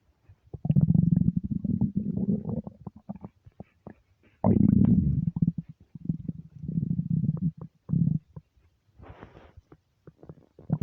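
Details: Hunger stomach rumbles (borborygmi) from an empty stomach: loud, low gurgling and rumbling in several long runs with brief pauses, a normal finding.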